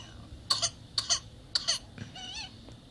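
Three quick high-pitched coughs from an infant followed by a strained rising inward squeak, the coughing pattern of whooping cough.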